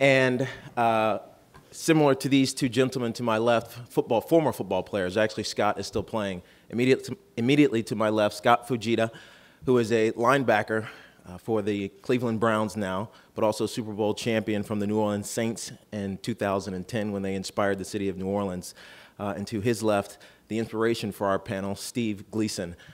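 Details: Adult man; normal speech.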